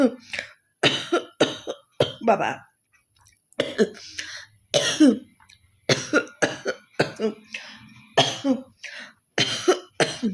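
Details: Adult woman with a slight cough deliberately performing a coughing challenge: repeated forceful, harsh coughs and throat-clearing in quick bursts, a television faint in the background; acted cough.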